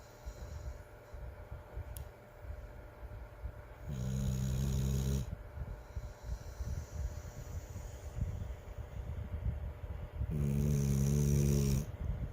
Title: Snoring Dog